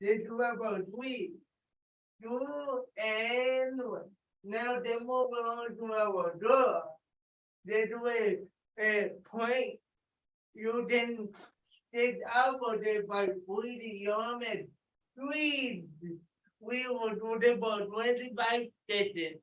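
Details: Dysarthria in a participant with cerebral palsy leading warm-up exercises; a viewer notes that some listeners cannot understand him.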